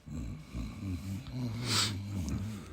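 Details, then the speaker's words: Woman snoring loudly in sleep enough to wake another person: low rumbling, fluttering snore through a breath, with a brief hiss and room noise; snoring. "hey hey you all right what you were snoring kind of profusely loud there and um you kind of woke me up but I ain't tripping though"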